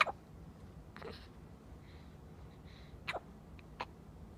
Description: Our Daughter only a few days old getting the hiccups.